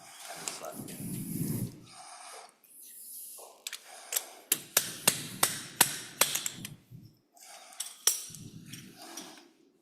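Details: About eight sharp metallic strikes at a steady pace, with brief speech and room noise: a slap hammer used during a spine surgery demonstration placing a bone-grafted implant over a pin.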